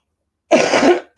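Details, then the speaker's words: Single short harsh, throat-clearing cough from an adult still recovering after two weeks of a cold with chest wheezing that hasn't fully gone. "I've only sort of just got back into live streaming because for 2 weeks I've been ever so poorly with a cold, and as you can tell, I was just on about the chest wheezing. It still ain't gone completely."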